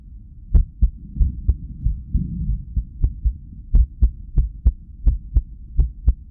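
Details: Resting irregular heartbeat on cardiac ultrasound (echo) with sound, recorded during arrhythmia after lack of sleep: pulsing heartbeat with uneven gaps and a brief mid-way pause; arrhythmia.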